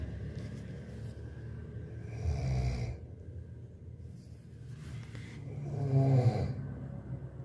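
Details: Two deep, rattling snores on slow breaths in, about 17 a minute, with quiet breathing between, from a sleeping person.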